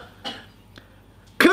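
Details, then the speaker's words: Adult woman coughing suddenly during a recorded Bible lesson: a short, sharp single cough with softer throat sounds just before it. "bless you don't worry she's not teasing me she's just having a little cough i don't know why suddenly during this recording"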